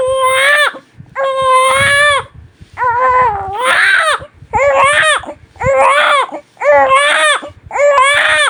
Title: Som de bebê chorando | Choro de bebê recém nascido chorando muito #shorts